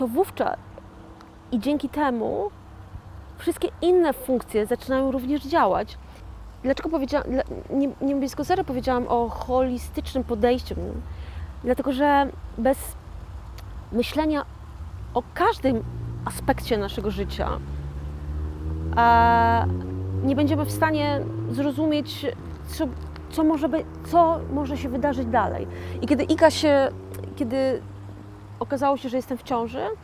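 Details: 41-year-old woman who had a stroke in 2009, speaking years later as a stroke survivor with aphasia; aphasia after stroke.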